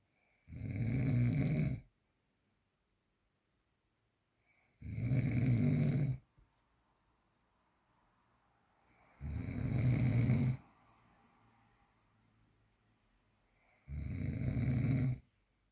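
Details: Snoring during sleep, real unprocessed recording: four loud, low rattling snores on inhalation, about 14 a minute, with quiet breathing between them.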